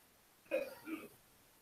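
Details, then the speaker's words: Two brief, muffled coughs from an adult in the background who has a cold. "Everyone's got colds here if you can hear him coughing in the background."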